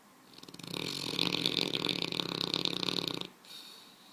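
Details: 140-lb Mastiff puppy sleeping after a hard day of play: one long, harsh, rattling snore on the breath in, with fast flutter throughout, then a softer breath out; snoring.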